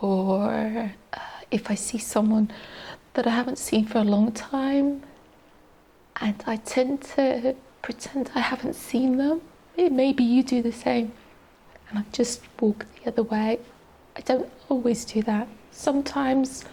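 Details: Adult woman, a teacher, with adductor-type spasmodic dysphonia, a neurological voice box disorder diagnosed in 2020 by an ENT specialist, with spasms of the laryngeal muscles during speech; she reports a shaky voice; adductor spasmodic dysphonia.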